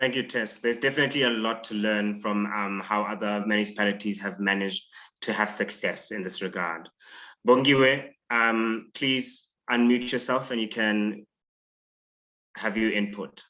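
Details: Adult male speaker, online meeting host; typical speech.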